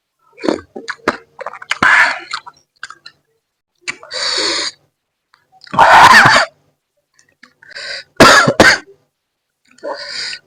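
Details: Several sharp, harsh cough bursts and throat-clearing between quiet pauses while eating very spicy baso aci with quail eggs during a mukbang; coughing set off by the spicy food.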